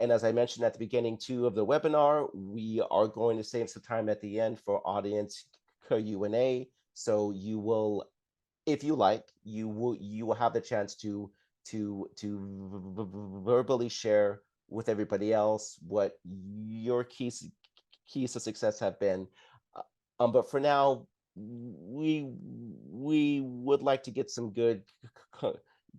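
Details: Adult woman who identifies as a person who stutters, a stuttering association member for 17 years; stuttering.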